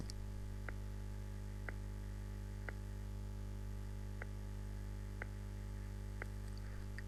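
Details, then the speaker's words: Weak or muffled first heart sound, as with a calcified, fibrosed mitral valve: one crisp sound per beat, about 60 a minute, the clearly heard second sound, with the first faint or nearly absent. "ان لو الميترال فالف كالسيفيك وفايبروزد هو مش بيبعد عن بعضه، هو مش بيقفل من لو بوزيشن وبيعمل ويك فيرست هارت ساوند."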